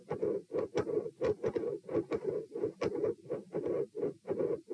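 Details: Auscultation stress test at position P, 90-126-72 bpm across sitting, standing and lying: machinery-like heart murmur, described as intermittent, with loud S2.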